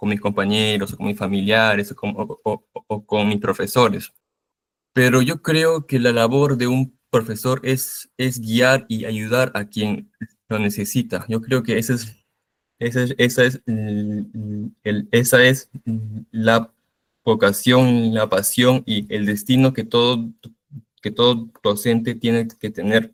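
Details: Stuttering in an 18-year-old male, present since age 5–6, absent through primary school, recurring in first year of secondary school, with involuntary mouth movements while speaking.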